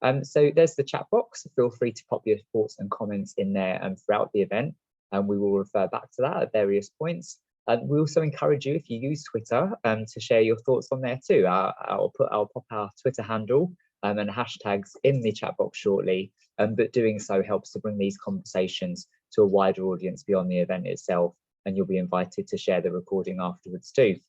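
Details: Adult speaker; normal speech.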